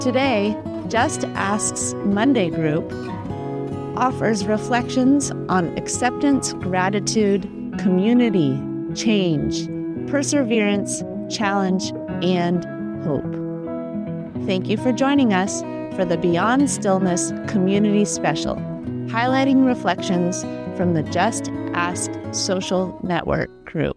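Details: Adult narrator; ordinary speech.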